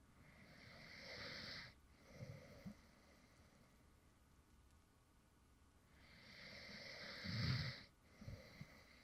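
Soft, airy snores on breathing in, each followed by a quiet breath out, about ten breaths a minute. Light snoring.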